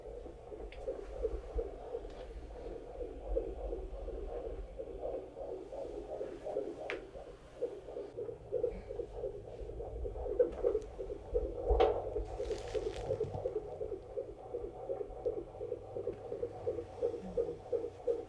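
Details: Fetal heart tones during labor, baseline thought a little higher than before; fetal tachycardia.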